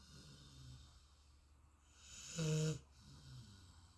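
Soft breathing with one short, louder snorting snore on inhalation. Snoring in deep sleep.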